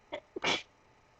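A quick intake of breath followed by one sharp, hissy burst: a single sneeze.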